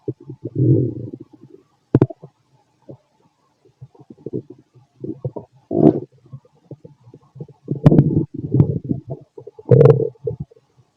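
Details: Fit adult male's abdomen, recorded with a stethoscope after lunch and a carton of milk: frequent low gurgles and rumbling bursts, normal active bowel sounds.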